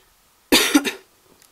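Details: A single harsh cough burst of two or three quick expulsions in a quiet room from a 29-year-old woman who feels she may be catching flu, possibly just a cold, and coughs when laughing.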